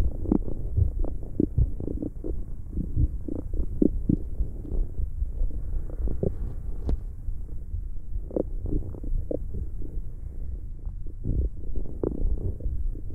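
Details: Continuous low gurgling and rumbling with scattered bubbling pops, recorded for ASMR; ordinary stomach growling.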